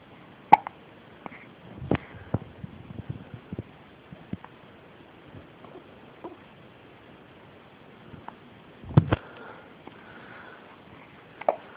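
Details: Baby with a few sharp, sudden little hiccup sounds spaced several seconds apart, with faint rustling between them: infant hiccups.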